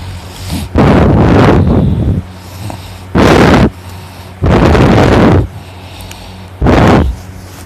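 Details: Brother sleeping in the morning, heavy snoring loud enough to hear from another room: loud, harsh rattling snores, four in about eight seconds, with quiet pauses between.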